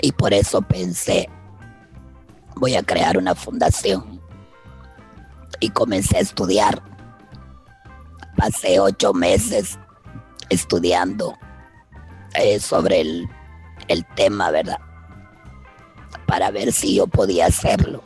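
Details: Adult woman using esophageal speech after a total laryngectomy in June 2013 for advanced laryngeal cancer with neck lymph node metastasis; she was speaking six months after surgery; Spanish speech; esophageal speech after total laryngectomy.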